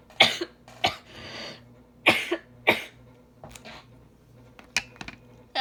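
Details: Cough from a speaker who says a cough is coming and that their eyes are watery during a spoken role-play recording.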